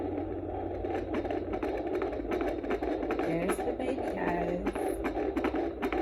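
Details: Home Neeva Baby fetal Doppler used on own abdomen at 17 weeks pregnant, probe moved slowly and gently; whooshing with fast rhythmic pulsing near 150 a minute: fetal heartbeat.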